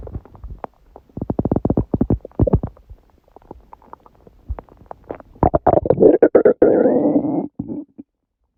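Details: Loud bubbling, gurgling, rumbling runs ending in a longer groaning gurgle, recorded at 1:30 am after waking, six hours after overeating udon at 19:30; owner suspects stomach surprised by gluten; borborygmi.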